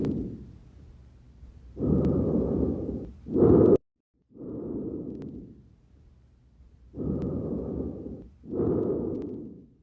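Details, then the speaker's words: Normal (physiological) lung sounds on auscultation, laryngotracheal, bronchovesicular and vesicular murmurs: soft, even rushing breath sounds in steady cycles, with no wheeze or crackle. "en la auscultación pulmonar existen dos ruidos el primero los fisiológicos o normales donde se encuentran los murmullos los murmullos larín contras que al murmullo bronco vesicular y murmullo vesículas"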